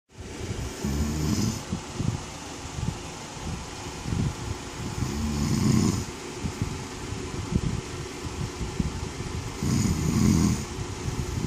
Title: Snoring hubby